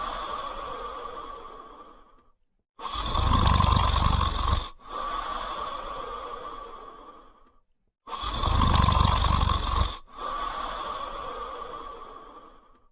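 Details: Sleeping French Spaniel dog snoring: loud rattling in-breaths with softer out-breaths, about 11 breaths a minute.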